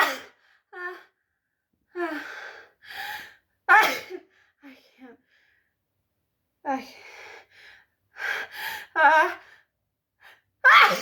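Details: A sneezing bout that cannot be held back: repeated gasping pre-sneeze catches, then about four forceful sneezes, the last loudest.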